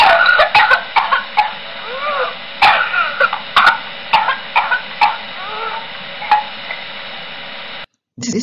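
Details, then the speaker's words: Pertussis, paroxysmal phase: rapid runs of short coughs broken by high-pitched, crowing inspiratory whoops, the classic whooping cough. "the next four weeks they will develop a more serious cough along with the classic whooping saw as well as for meeting this is what the whooping style sounds like"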